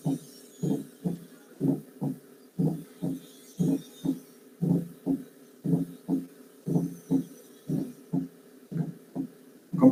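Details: Physiology teaching example comparing third and fourth heart sounds: regular low heart thumps at about 60 a minute in a galloping rhythm, with an extra sound before the first, a fourth heart sound (atrial gallop).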